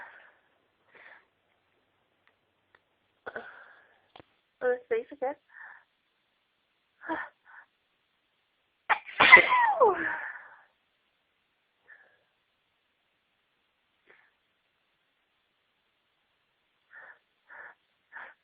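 Several short catching breaths and snorts, then one loud full sneeze, followed by further small sneezes; a fit of sneezing.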